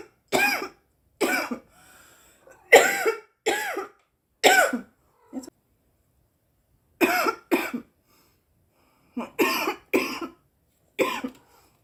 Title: Girl coughing 203